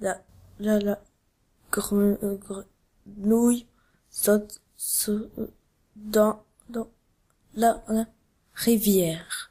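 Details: Animated character's acted, French-language demonstration of stuttering with sound repetitions, prolongations and complete blocks; stuttering.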